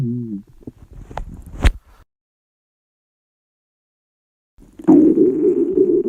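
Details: Hungry girls' stomachs growling: a squeaky, gurgling growl, a long silence, then a loud, sustained low rumble, the normal sound of an active empty gut.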